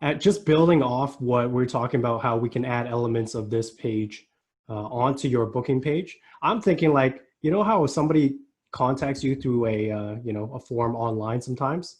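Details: Adult male speaker; Normal speech.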